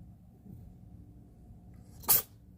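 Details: One small, brief, sharp burst of air against a quiet room background; a cat sneezing once.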